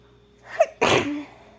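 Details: Female acting sick in a role-play scene, with a simulated sneeze: a short indrawn breath, then one loud explosive sneeze trailing into a brief voiced tail.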